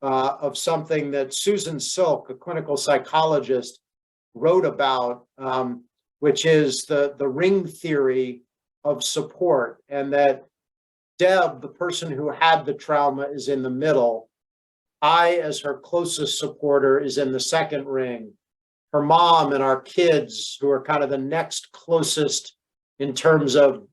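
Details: Adult man speaking; ordinary speech.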